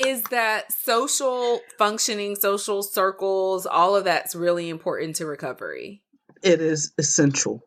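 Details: Adult speaker; typical speech.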